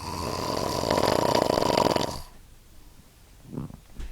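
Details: Person asleep with a loud, harsh, fluttering snore lasting about two seconds, followed by quieter breathing: snoring.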